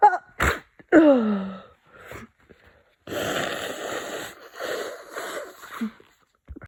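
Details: Person with a cold: sharp sniffs, then a forceful sneeze and a long gasping exhale, with congested, nasal breathing sounds.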